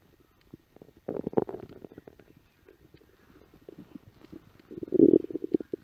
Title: stomach growling on the set of "She Bop"